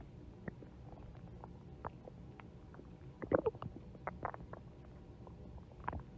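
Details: Soft stomach gurgles and bubbling pops with a brief louder cluster midway; stomach growling, ordinary bowel sounds (borborygmi).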